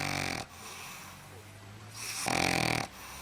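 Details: Sleeping dog snoring loudly; two loud, buzzing snores with a quiet breath between; ordinary snoring.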